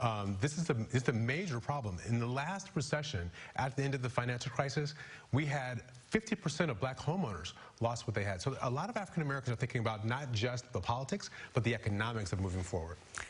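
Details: Adult man; normal speech.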